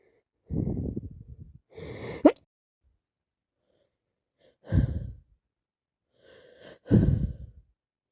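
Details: Three sneezes from an adult with a cold that won't stop tonight, each a sharp indrawn breath followed by a forceful burst: sneezing.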